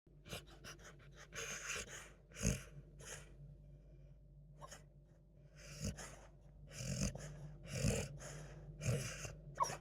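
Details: Sleeping beagle dog: irregular noisy snorting breaths with low rumbling tones and short muffled vocal sounds, heavy snoring with sleep talking.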